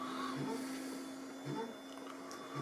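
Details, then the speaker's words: Neonatal resuscitator and transport ventilator in a device demonstration, delivering 55 breaths a minute at a tightly controlled 10 mL tidal volume: steady mechanical hum with soft periodic puffs. "Now we're delivering 55 times a minute a precise tidal volume of 10 milliliters, which is strictly controlled."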